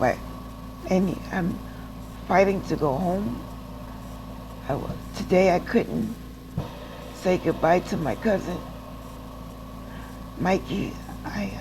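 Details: Adult woman with aphasia after a stroke who reports that she doesn't speak well and is still in speech therapy, in rehab after hospital stays and relearning to walk; aphasia after stroke.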